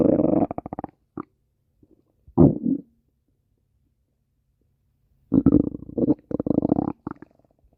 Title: stomach growling 23